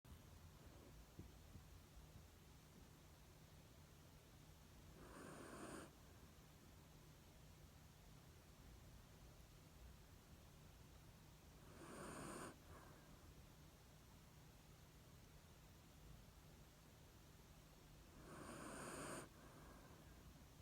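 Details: Female black Shiba Inu, recently moved home, napping while being petted: soft hissy breaths every six to seven seconds, about 9 a minute, in a quiet room; gentle snoring.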